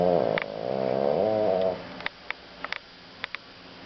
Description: FRENCH BULL DOG FAST ASLEEP SNORING